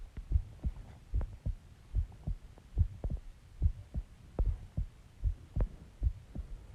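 Steady paired heart thumps at about 73 beats a minute, with no extra sounds; an ordinary heartbeat.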